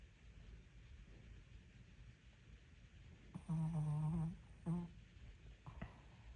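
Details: Severe snoring: quiet room, then a loud, low, vibrating snore on an in-breath followed by a shorter second one; heavy snoring.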